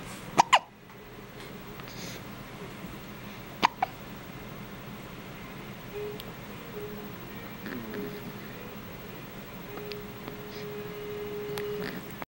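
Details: 2-day-old infant with a few short, sharp hiccup sounds, mostly early in the clip, over quiet background music; hiccups.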